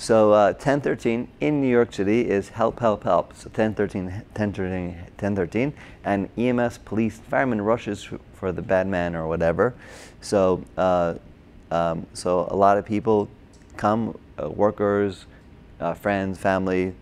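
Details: Broca's (expressive) aphasia in an adult man, a former paramedic, caused by a stroke during heart surgery in 2007, about 10 years earlier; difficulty with names, numbers, reading and writing; had speech therapy, OT and PT after the stroke.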